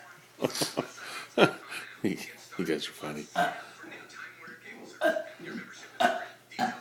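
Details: Deliberate burping contest between two people at breakfast: several loud, gurgling burps in a row, mixed with talk and laughter in a small room.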